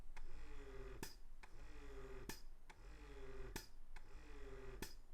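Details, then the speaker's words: Philips Avent double electric breast pump during a real pumping session: a quiet motor hum that rises, then releases with a soft click about every 1.3 seconds, the pump's suction cycle. "i also find this pump to be very quiet so i am going to insert a clip of me actually pumping with this pump so that you guys are able to hear the sound that this pump makes when you're in the middle of a pumping"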